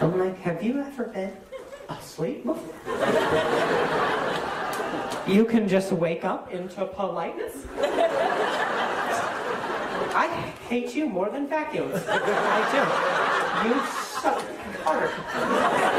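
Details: Stuttering in an adult male comedian who says hearing noises in his ear while talking makes him stutter.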